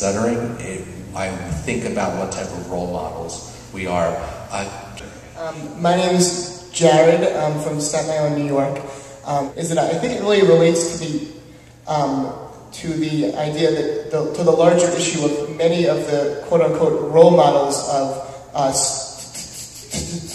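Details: Genuine stuttering in a speaker at a live stuttering-association conference session, July 2009.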